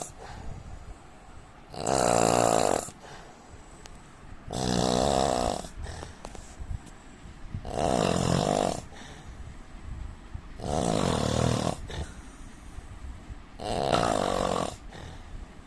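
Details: Five loud, rattling snores, roughly 20 a minute, with quieter breathing between them and faint room noise; heavy snoring from a man during sleep.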